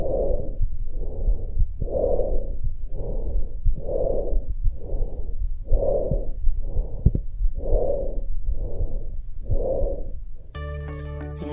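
Loud, hollow, harsh breath noise in evenly spaced bursts through both breathing phases, then brief music; normal tracheal breath sounds.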